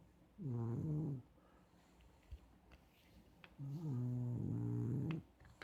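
Two loud, rough snores separated by a quiet pause.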